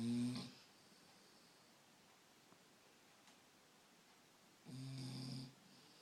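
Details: Sleeping dog that likes to sleep on pillows: two loud, rough snoring breaths separated by a quiet pause of about four seconds; snoring.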